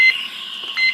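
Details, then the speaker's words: Siemens 900 ventilator being switched off: high-pitched electronic alarm tones continuing by default until the silence button is pushed and held. "that alarm but you'll push and hold you got to push it many times you can push and hold in think and it silences it"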